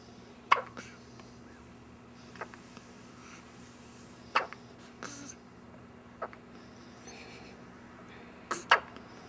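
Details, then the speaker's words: Infant girl with hiccups: several sharp, brief hiccup bursts spaced a few seconds apart in a quiet room, one sounding wet. "She's got another one coming. That sounded wet, Daddy."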